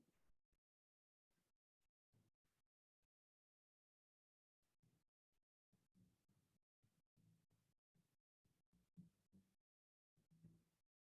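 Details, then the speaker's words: Combined aortic stenosis and regurgitation: a systolic murmur that grows louder, then an immediate diastolic murmur straight after the second heart sound; to-and-fro murmur. "where there is a both artic stenosis and also regurgitation at the same time and this is what we call a true and fro verb"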